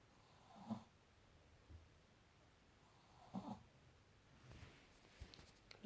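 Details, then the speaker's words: Soft, irregular snorting snores from a sleeping Shih Tzu puppy, about two clear breaths each with a nasal rattle, over a quiet room; snoring. "Dexter, noisy tiny little fucker. Snores so bad."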